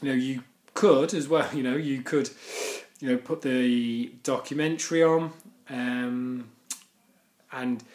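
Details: Man who stammers; stuttering.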